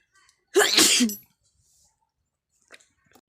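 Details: Single loud, explosive sneeze with a sharp inward catch, then quiet sniffles, deliberately provoked in a sneezing challenge; eyes and nose running.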